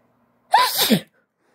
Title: Allergy denial scenario wet sneezes(F)